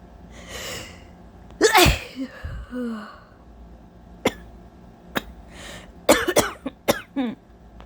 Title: Allergy sneezes/coughs (it's SOOOOO HOT out today🥵☀️)🤧😫